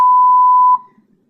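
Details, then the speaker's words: Sigma Spectrum infusion pump downstream occlusion alarm in a nursing demonstration: one loud steady high-pitched beep under a second after the line clamp was closed, pump recognizing it is not infusing. "So, it's saying downward occlusion. So, the pump has recognized that it's not infusing."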